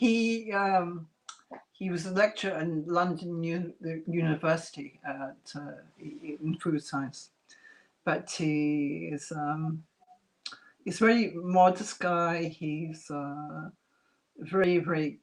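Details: Adult woman after multiple strokes (two hemorrhagic, three ischemic, 2012–2013) who lost speech and relearned it, with a slight remaining speech impediment; residual aphasia after stroke.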